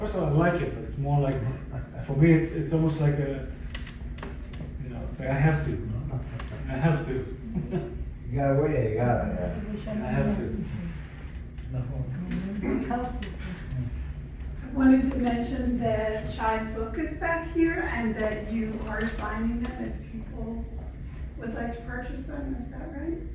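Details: Stroke survivor with aphasia from a stroke about 11 years earlier, speaking English; aphasia.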